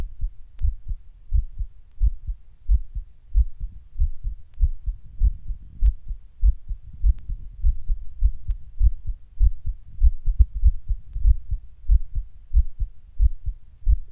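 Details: Recorded while just sitting down at rest: heart suddenly beating weird and hard, at times fast; low thumps about 97 a minute, uneven spacing and strength, bursts of faster beats, an irregular heartbeat.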